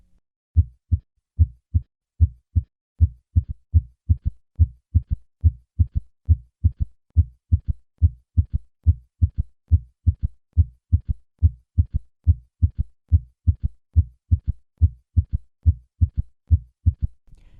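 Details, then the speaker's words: Third heart sound (S3, ventricular gallop): low-pitched early diastolic sound just after S2, creating a galloping triple rhythm; heard with stethoscope bell held lightly at cardiac apex, patient in left lateral position; three normal beats first, then S3 added. "when a third heart sound is added to a normal first and second heart sound a triple rhythm is created this triple rhythm is called a gallop because it mimics the sound of a horse galloping in the case of a third heart sound this is called a ventricular gallop"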